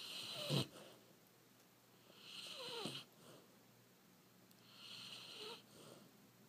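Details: Sound asleep and snoring: three soft, irregular snoring breaths with a whistling, wheezy edge, about 26 a minute, in a quiet room.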